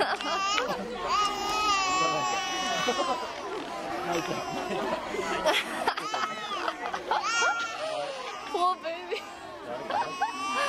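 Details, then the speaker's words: Infant crying at a sumo baby cry competition in Japan, where sumo wrestlers hold babies to make them cry: high-pitched, drawn-out wails in bursts over heavy crowd noise. "oh he's laughing I think he's laughing oh no no no he's crying actually man first time I ever see that"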